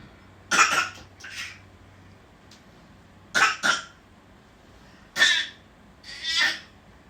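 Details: A 12-month-old baby makes short, breathy, deliberate cough-like bursts in pairs, a playful fake cough rather than illness: voluntary cough.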